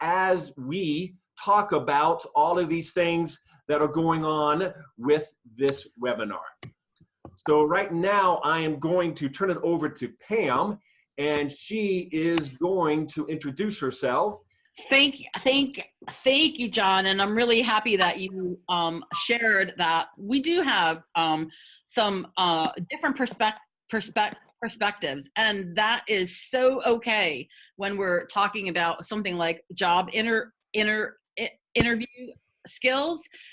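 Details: Adult woman who has stuttered for 50 years; stuttering.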